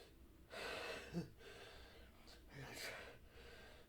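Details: Male holding back sneezes so others won't hear him: a sharp, breathy intake, then a muffled, held-back burst of air through the nose, a stifled sneeze.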